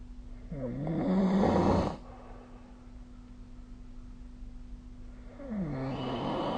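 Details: Snoring during sleep: two loud, rattling breath sounds with a quiet pause between them over a steady hum.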